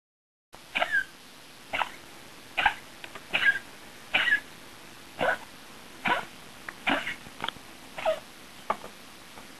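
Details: Dog with pulmonary edema, inherited from her sire, gives a run of about ten short, harsh coughs in steady succession; she kept eating until the end. Cough due to pulmonary edema.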